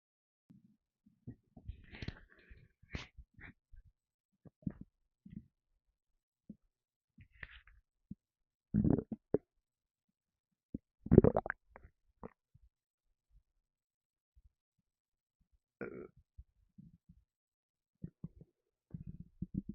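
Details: Stomach rumbling while feeling a little gassy after lemonade: scattered gurgling and bubbling rumbles with a few louder belch-like bursts in a quiet room; ordinary gut and gas sounds.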